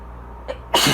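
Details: A single sharp, explosive sneeze after a brief quiet intake, with faint room hum, from someone reading aloud during an allergy fit.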